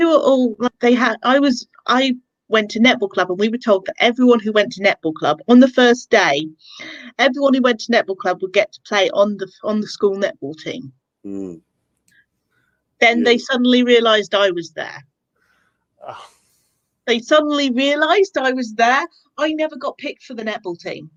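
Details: Adult woman speaking; ordinary speech.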